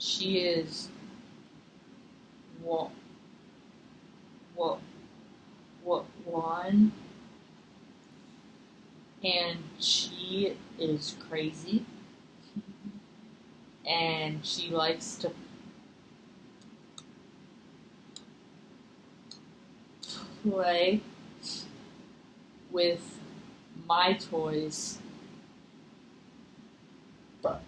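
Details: Acted role-play therapy session: a six-year-old client who stutters mostly at sentence beginnings, with eye closing, facial tension and chin tucking, is asked to notice what happens while stuttering; stuttering (acted).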